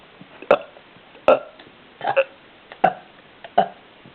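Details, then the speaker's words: Five or six short, abrupt burps in quick succession, some possibly forced; repeated burping. "That was burp. Oh my god! You burp and I'll have the camera at me and then it'll look like I'm burping."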